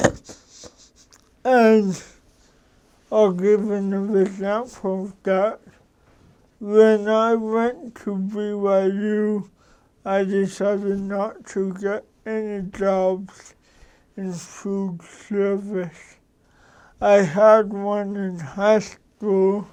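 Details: Dysarthric speech in cerebral palsy from an adult man who describes his mental capacities as sharp.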